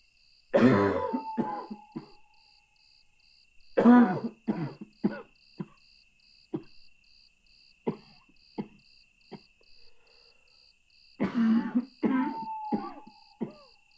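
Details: Repeated harsh coughing fits at 2 a.m., muffled as if heard through a thin motel wall, with faint steady beeping in the background; cough.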